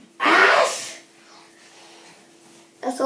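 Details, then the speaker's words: Simulated sneeze for a prank: one loud, sharp, deliberately acted sneeze, with quiet room noise after. "And then if somebody's just sitting down, we just act that we're sneezing on them."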